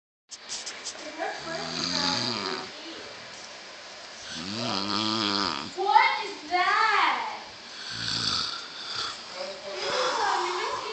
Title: The snoring machine